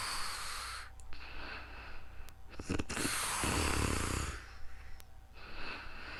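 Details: Real-time recording of a person snoring while sleeping calmly, captured with a new microphone: noisy sleep breathing with rough, fluttering inhaled snores and snorts, and room noise in the background.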